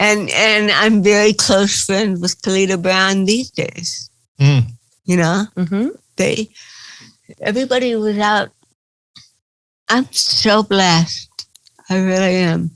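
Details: Dysarthria in an adult woman with cerebral palsy.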